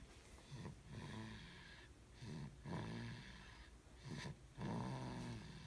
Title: snoring